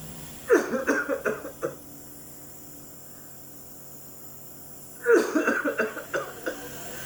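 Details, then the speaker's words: Two bouts of about six rapid, harsh coughs with a quiet pause between, during a demonstration of nebulizer therapy for breathlessness; productive chesty cough. "Namun apabila dahak tersebut masuk ke saluran pernapasan Hai otomatis Ayo kita akan batuk-batuk"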